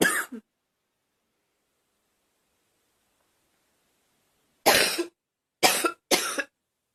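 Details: Girl producing an acted, voluntary cough: four short, sharp coughs, one alone and then three close together after a pause.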